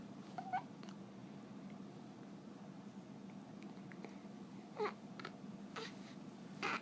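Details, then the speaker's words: Male cat makes several brief, squeaky catching sounds at irregular intervals over low room hum; hiccups. "Like, darn these hiccups, I just want to go to sleep."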